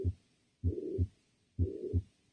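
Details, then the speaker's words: Systolic ejection murmur, about 63 beats a minute: harsh whooshing murmur filling the gap between S1 and S2, described as less harsh than a diastolic murmur; teaching recording. "it's different from a murmur that is occurs as a systolic ejection where it's you know occurring between s1 and s2 and it is just sounds less harsh after that s1 and s2 occurs"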